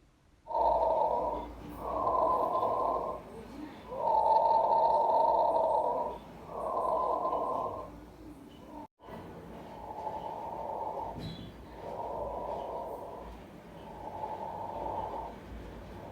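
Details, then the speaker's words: Stethoscope auscultation of the posterior chest between T3 and T10 over the lower lobes during a thorax and lung examination: soft, regular rushing breath sounds without added noises; normal breath sounds. "Look for the normal lung sounds. Normal lung sounds are bronchial, bronchovesicular, and vesicular."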